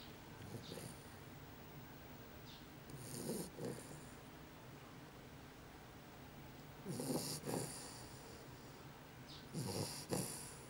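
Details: Snoring.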